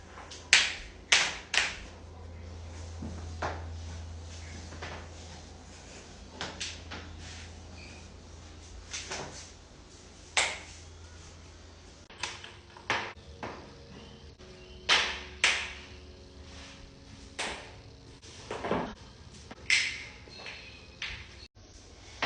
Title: cracking joints compilation